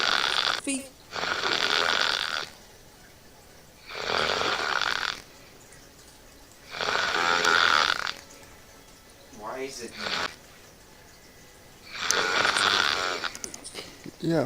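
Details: Man snoring while asleep after a 4am gaming session, with video game audio and talk nearby: loud rasping, fluttering throaty snores about every three seconds, roughly 20 a minute; heavy snoring.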